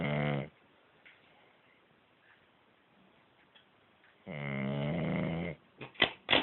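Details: Two long, rough, buzzing breath sounds with a quiet pause between them, then a few short snuffles: snoring.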